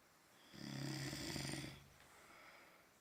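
One loud, buzzing, rattly snore on an in-breath lasting over a second, then a quieter breath out.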